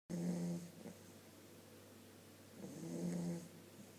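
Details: An 8-week-old Vizsla puppy snoozing, with soft, low buzzing breaths and a faint whistle that rise and fade with breathing; gentle snoring.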